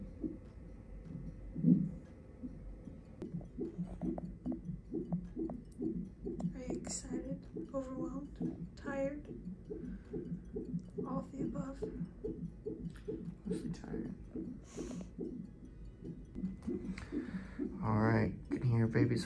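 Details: Fetal heartbeat on Doppler during a hospital check for suspected labor with mild contractions; fast, regular whooshing at about 150 beats a minute, with faint voices in the room.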